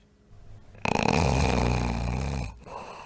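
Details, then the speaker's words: Obstructive sleep apnea snoring, where breathing stops periodically: a loud, rattling snore bursts in after near-silence and stops abruptly. "there's a pretty distinctive sound to the sort of snoring that goes on where people are actually stopping breathing periodically so let's listen to that"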